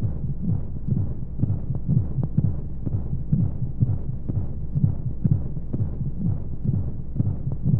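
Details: Womb-sound sleep aid for babies with white noise: fast soft low thumping heartbeat, about 125 a minute, under a steady whooshing flow noise, as heard inside the womb.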